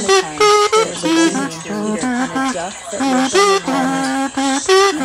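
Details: Auditory processing disorder simulation of sensory overload: music and a Peter and the Wolf narration with background noise, showing how hard it is to separate sounds, locate them and tell which matter.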